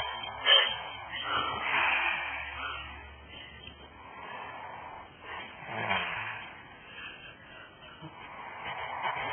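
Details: Woman snoring, said to sound like a horse: noisy, rasping, somewhat snorting breaths repeating every few seconds against quiet room noise.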